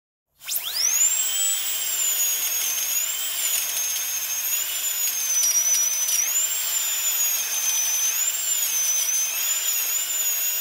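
A dental drill starts up into a steady, piercing high whine that wavers slightly in pitch as it runs.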